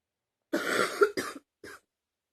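A short run of three harsh, voiced coughs, the first long and forceful, the last weaker.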